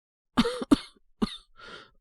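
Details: Three short acted coughs, then a breathy exhale, voiced by a male voice actor playing a sick young man with a cold, headache and a fever around 38°C; simulated, not a real patient.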